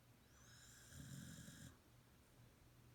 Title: Sheba Snoring